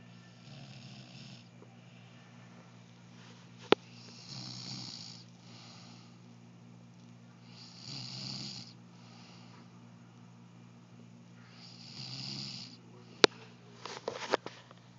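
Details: Person snoring loudly: regular snores about every four seconds, roughly 15 breaths a minute, over a steady room hum with a few sharp clicks; snoring.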